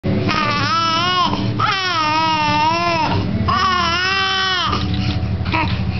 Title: Cry..